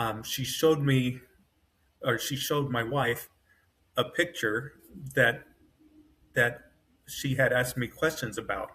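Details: Adult man with self-rated mild-to-moderate aphasia after an AVM brain hemorrhage, surgery and a 10-day medically induced coma. He woke with right-side paralysis, has foot drop, and reports word-finding trouble with his brain working faster than his mouth.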